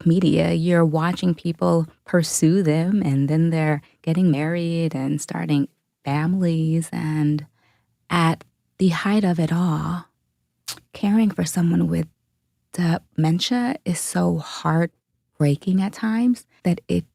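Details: Adult woman who self-reports a stutter; stuttering.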